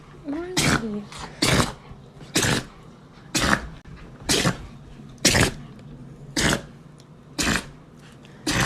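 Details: Dachshund on a bed: a run of about nine sharp, explosive sneezes roughly once a second with brief breaths between, a sneezing fit.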